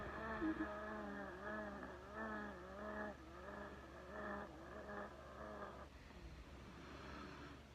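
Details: A person recording their own wheezing: loud musical whistling tones with each breath, rising and falling in pitch, over a steady low hum.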